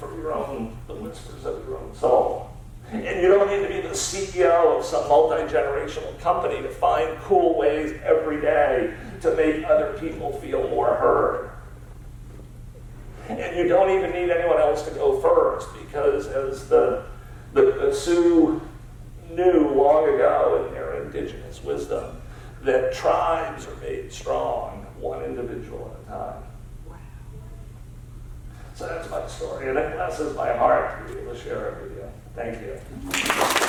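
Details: Adult male with spasmodic dysphonia, a rare neurological disorder affecting only speech with no known cause or cure, treated with periodic Botox injections; spasmodic dysphonia.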